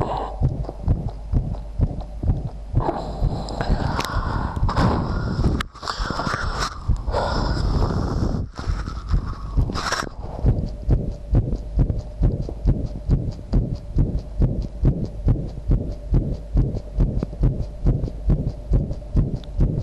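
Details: Self-recorded visible heartbeat with sound, old low-quality recording, while the person felt their heart was about to stop; fast regular low thumps about 136 per minute, briefly masked by rustling; rapid heartbeat.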